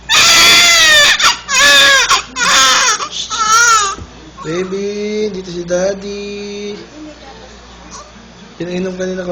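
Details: Loud, rhythmic infant crying in bursts, then quieter fussing with a softer voice nearby; caregivers suggest the baby was crying because it had urinated and needed a change; an ordinary discomfort cry.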